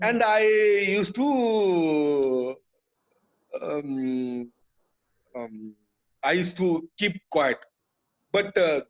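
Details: Adult male, years after a haemorrhagic stroke hitting the speech centre with total speech loss, relearned speech through speech therapy; still hesitates and cannot always finish sentences: aphasia after stroke.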